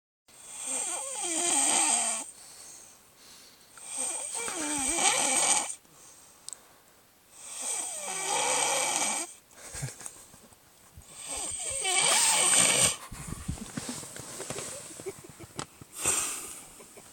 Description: Guy was sleeping and Snoring within one minute, and gets toothpaste on his face.